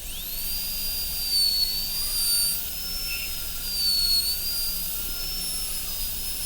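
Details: High-speed dental handpiece with a 55 burr extending the mesial and distal boxes gingivally in an MOD amalgam preparation on tooth 29 of an Acadental typodont: a steady high-pitched whine rising and dipping slightly as it cuts.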